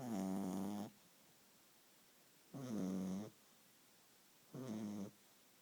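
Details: Snoring from a little beagle dog sleeping on its owner's couch.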